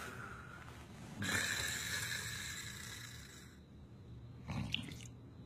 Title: Funny snoring